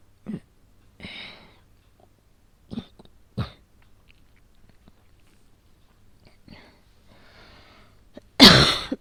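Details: Real asthma attack, somewhat exaggerated for a role-play voice recording, with pulse oximeter; several short, breathy coughs and a final harsh burst in a quiet room; asthmatic cough, inhaler requested afterward.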